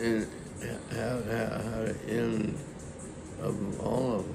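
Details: Elderly man with Lewy body dementia, a former avid keyboardist, showing disordered speech with repetitions and fragmented, hard-to-follow phrasing; finding: disordered speech in Lewy body dementia.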